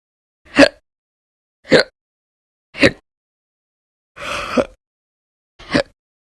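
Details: Repeated hiccups, sometimes violent and loud, sometimes silent, recorded over February 2020 (audio only): five sharp, abrupt hiccups over about six seconds, each a short gulping click separated by silence.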